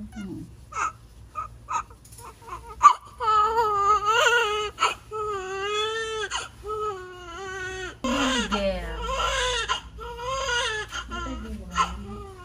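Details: Newborn baby girl's cry moments after a normal delivery at a lying-in clinic: repeated vigorous wailing cries with short gasping breaths between them, with faint room talk.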